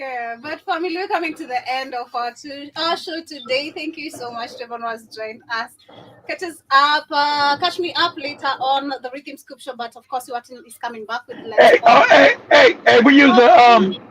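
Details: Adult woman, radio or show host; ordinary speech.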